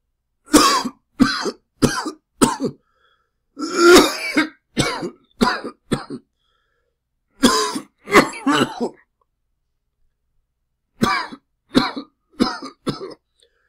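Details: About fifteen loud, harsh acted coughs in four clusters separated by short silent pauses, made as a sound effect; cough.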